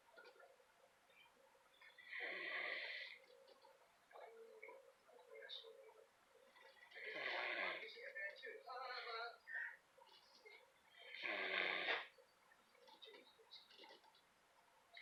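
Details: Sleeping dog gives three rattling snores about every four to five seconds, with faint room hum between.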